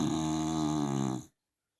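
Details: Dachshund: one loud, droning, buzzing snore lasting about a second, then silence; loud snoring.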